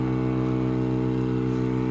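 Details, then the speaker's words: Portable suction unit with rigid catheter switched on for mouth and back-of-throat suctioning demonstration: loud, steady motor drone with low hum, running continuously. "We're only going to be using it for the mouth and the back of the throat. So I'm going to turn our unit on."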